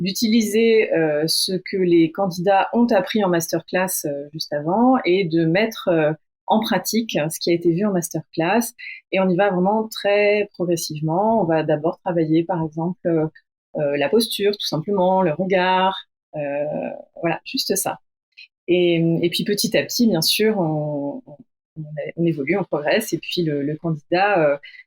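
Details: Adult woman speaking French; typical speech.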